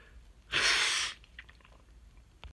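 One quick, forceful hissing sneeze, followed by quiet breathing and small mouth sounds.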